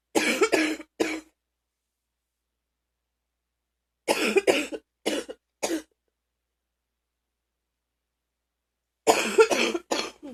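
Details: Deep, harsh, chesty adult coughing in three bouts, about eleven coughs in all, separated by silent pauses; person says they were very sick but are now okay.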